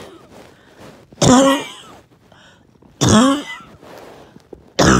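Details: Two forceful, harsh coughs with throat-clearing quality and noisy breathing between, after a 20-minute workout or morning walk, with trouble breathing and choking cough.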